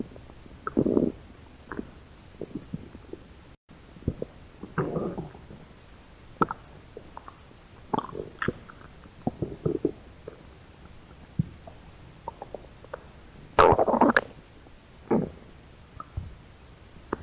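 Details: Hungry stomach growling: scattered gurgles, squeaks and a louder rumbling burst over a quiet background hiss.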